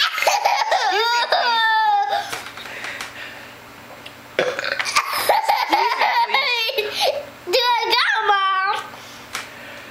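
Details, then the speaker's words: Deliberate burping in a burping and growling contest: three long, loud, voiced belches with a growling quality, amid laughter and room noise, and a child saying "excuse me" to Mom. "mom excuse me please do the again m what was that Mom it was a little burp I'm sorry excuse me Mom"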